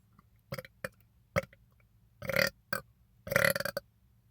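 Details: A man belching after drinking soda: a run of loud, croaking burps, several short and two long and drawn-out, with quiet pauses between; burping.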